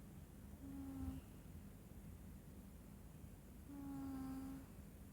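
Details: Snoring from a sleeping cat: two soft, drawn-out droning tones, one per breath, over faint background hum.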